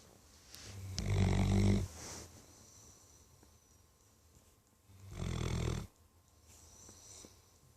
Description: My dog, thunder snoring like an old man